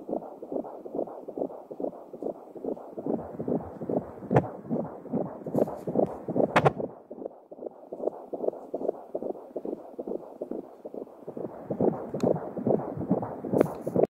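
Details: Fetal heartbeat heard with an Angelsound Doppler: rapid, rhythmic whooshing pulses at roughly 140 beats a minute.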